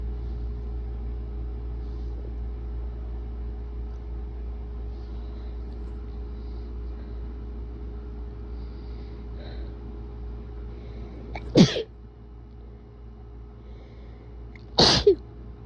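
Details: Person with bad allergies and a tickly nose, sneezes deliberately induced, described as wet; vehicle rumble, then two sharp sneeze bursts a few seconds apart; sneezing.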